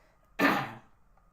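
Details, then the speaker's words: Adult male podcaster coughing repeatedly while talking, then apologizing for coughing so much. "um but sorry for coughing so much"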